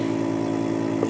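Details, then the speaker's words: Laser lipo cavitation RF machine's vacuum suction attachment running on skin: steady low mechanical pump hum, with timed suction and release cycles marked by clicks, suction and release set around ten to eleven, sucking a couple seconds then releasing. "you put it on when it clicked create and then you'll hear you'll feel it release hear us move it move it to the next spot before the next click service again the other time it clicks it's sucking for a couple seconds minute releases"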